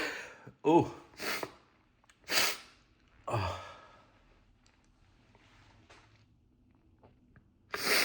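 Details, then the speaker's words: Adult sneezing fit induced by sneezing powder, unlike usual sneezes: four forceful sneezes in quick succession, each with sharp inhale and noisy spray-filled burst, then quiet breathing. "Oh my goodness, these are so different than my normal sneezes. Oh my god. Ooh. Oh my god, it's so much spray."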